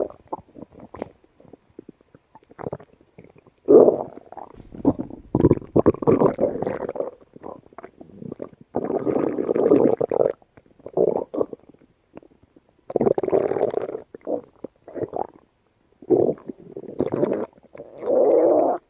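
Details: Yellow Labrador dog gut sounds: repeated gurgling, rumbling in irregular bursts with short pauses; normal bowel sounds (borborygmi).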